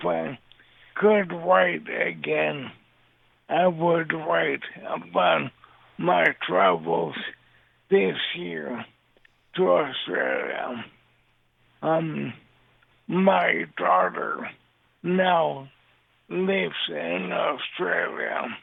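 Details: Dysarthria in an adult man with ALS diagnosed in 2014; the disease has affected his voice and mobility, and he also uses a synthesized voice.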